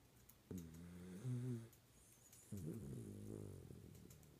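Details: Snoring in a sleeping Schnauzer dog: two low, rumbling, voiced breaths with a fluttering tone, in a quiet room; loud snoring.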